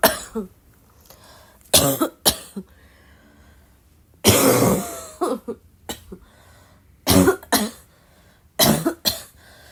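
Repeated harsh coughs, often in pairs, with short quiet gaps: a sustained coughing fit.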